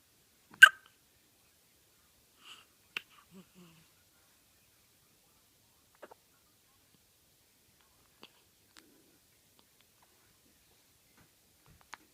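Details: Hiccups: brief, sharp, irregularly spaced hiccup sounds, about seven in twelve seconds, in a quiet room.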